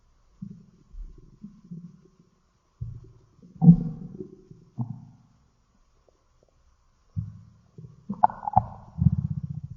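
Low gurgling rumbles in irregular bursts with silent gaps, ending in a longer bubbling growl; ordinary stomach growling.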